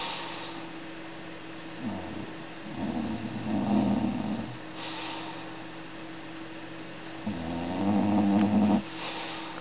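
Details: Snoring in sleep: two slow, low rumbling snores on the in-breath, several seconds apart, over steady room hum.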